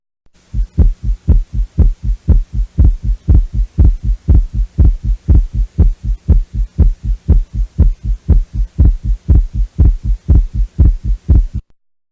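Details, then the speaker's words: Simulated heart sounds at 120 beats a minute with regular paired low thumps over a faint hum, presenting a paradoxical (left) split second sound with aortic delay over 0.05 s. The split is hard to perceive at this rate. "El segundo ruido desdoblado puede ser también izquierdo o paradójico. Esto es cuando el que se retrasa es el componente aórtico, que siempre va primero, por eso se denomina paradójico, y se retrasa más de 0,05 segundos, tiempo suficiente para que el oído lo perciba como dos ruidos separados."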